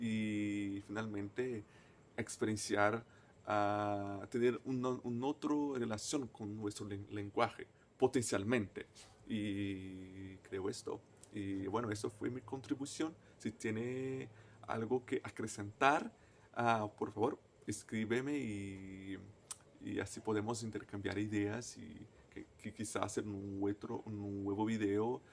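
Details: Person who stutters, a native Portuguese speaker speaking Spanish as a foreign language; stuttering.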